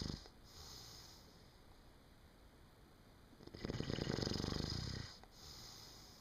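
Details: Sleeping person snoring: one long, low rattling snore in a quiet room, with soft breathing before and after.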